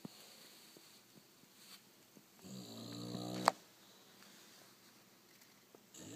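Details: Sleeping, lazy bulldog: a single loud, rattling snore in a quiet room, ending in a sharp snort; snoring.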